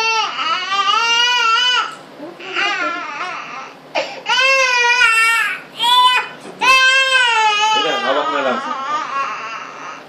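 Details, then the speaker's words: Young child crying in pain: loud repeated wails with brief breaks for breath during ear cleaning and examination; the doctor thinks there may be an infection, causing the pain. "Palagay ko may infection yun. Kaya nasaktan."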